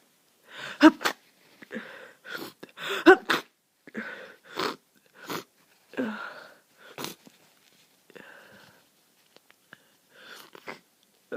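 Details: Person with flu and heavy nasal congestion: string of short, explosive sneezes and sniffs with breathy pauses in a quiet room; congested sneezing.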